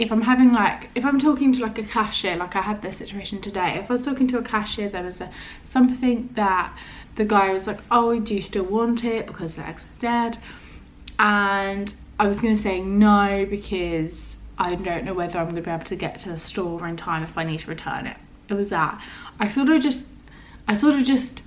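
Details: Adult woman with a stammer mainly of prolongations, blocks, occasional first-part-of-word repetitions and body tension, which she says is worse today due to stress; finding: stuttering.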